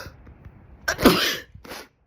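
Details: Single loud, forceful adult sneeze with a sharp inhaled lead-in and a brief softer tail, from a person with allergies who says their sneezes are huge and loud and who has been suffering an allergy attack.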